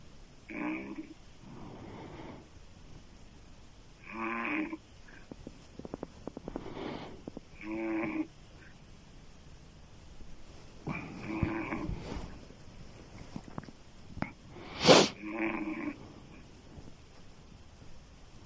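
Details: Adult woman snoring loudly with open mouth: repeated harsh fluttering snores with quieter breaths between.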